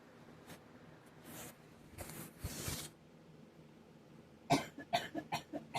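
Several short, sharp coughs after a few soft breaths and throat sounds, linked to pollen allergy.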